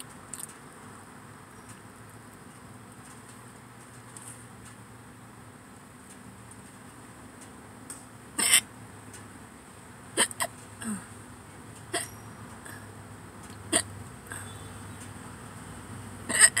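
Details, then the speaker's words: About six short, sharp hiccups at irregular intervals, mixed with burps, from a person sitting in a parked car before eating, over a steady background hum. "I think hiccups and burps at the same time so weird yeah my body's like come on do something"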